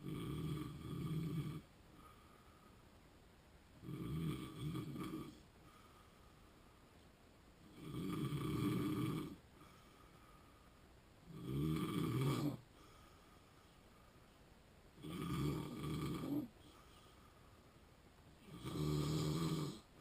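Regular low rattling snores on each breath in, about 17 a minute, with quiet gaps between; loud snoring of the kind linked with sleep apnea.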